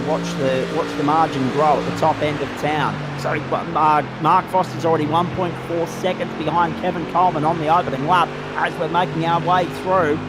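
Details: Adult male commentator; normal speech.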